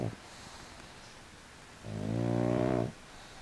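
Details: Pug dog asleep on its back with legs up, for the first time in that position: a loud, rattly, droning snore on one breath, about a second long, against quiet room noise. Snoring.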